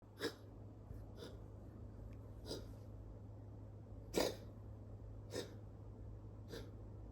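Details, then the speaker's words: Nine-year-old cat coughing since age 7, now 2–5 times a week; vet's preliminary diagnosis feline asthma: six short, dry, hacking cough bursts about a second apart. "My cat, Snow, started coughing occasionally since he was 7 years old. However, in the past one to two months, his coughing has become more frequent."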